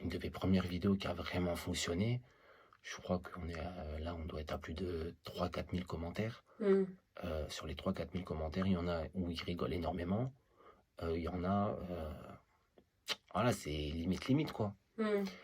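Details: Man who stutters; stuttering.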